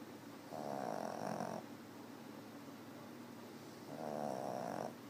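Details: Sleeping cat: two long, rumbling snores about three seconds apart, roughly 17 breaths a minute; ordinary snoring.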